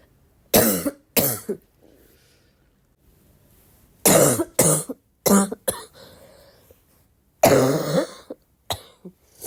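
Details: Repeated loud, harsh barking coughs in clusters of two or three with throat clearing between, from a young woman coughing after waking, in a quiet room.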